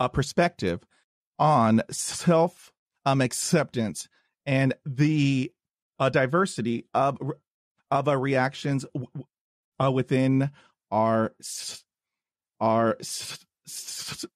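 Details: Podcast host who stutters, introducing his guest with a repeated word; stuttering.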